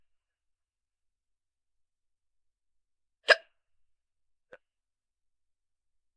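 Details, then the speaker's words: Young woman with hiccups that have lasted through a shopping trip, just starting up: two short, abrupt hiccups a little over a second apart, otherwise silence. "Just starting to get the hiccups now."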